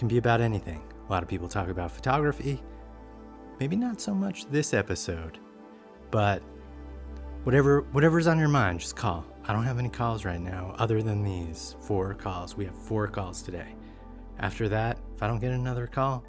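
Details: Adult male speaker; ordinary speech.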